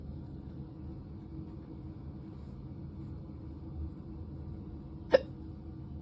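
Steady low engine rumble, then one short, sharp hiccup near the end.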